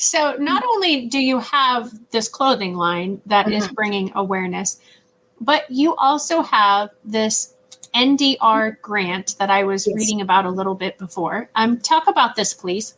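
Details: Adult woman speaking; ordinary speech.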